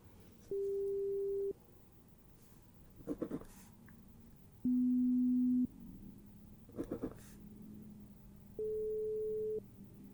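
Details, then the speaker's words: Simulated pure-tone audiometry in a role-played hearing examination, with hand-raising responses and left/right sides: steady one-second beeps at differing pitches separated by soft rustling. "ns and I am going to have you raise your hand if you hear a sound so the first part it's not going to matter what side but when we get into distinguishing left and right I'll have you raise your your hand on the side that you hear the sound on"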